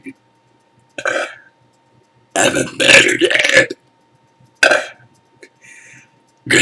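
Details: Morning burps on waking: several loud, throaty belches separated by pauses, with faint room hum behind them.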